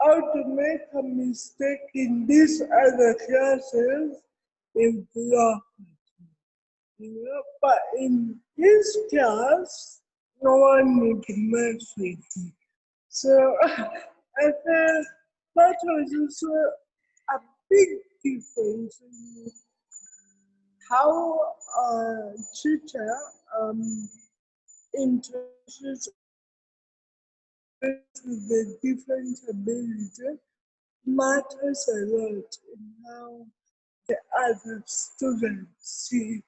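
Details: Adult woman with cerebral palsy present since birth; dysarthria (cerebral palsy).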